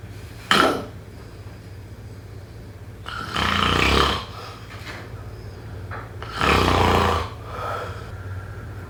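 Loud, rough rattling breaths recur roughly every three seconds, about 18 a minute, over a steady low background hum: snoring during sleep.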